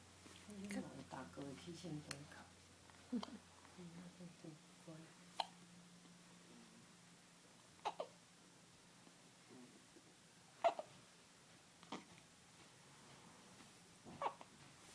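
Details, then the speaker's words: A baby, with about six short, sharp hiccups every couple of seconds in a quiet room amid soft adult talk; ordinary infant hiccups. "Not a fussy baby. Not if I have clean diaper and I'm well fed. I only hiccup."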